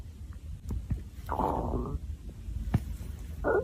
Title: Stomach Growling Vol 4